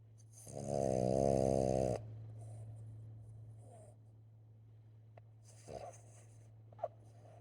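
One loud, buzzing snore lasting over a second, then quieter breathing noises over a steady low room hum.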